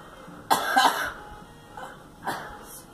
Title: Girl coughing